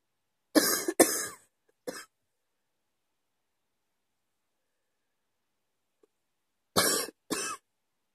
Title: # 29 coughing at 2 AM